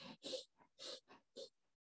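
Imitated quick, short, shallow breaths, the pain-limited splinting breathing of rib fractures, which can cause carbon dioxide retention.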